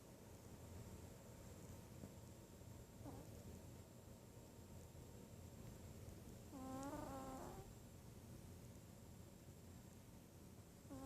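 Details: Sleeping cat snoring: steady low rumbling breath noise with brief chirping meows in the middle.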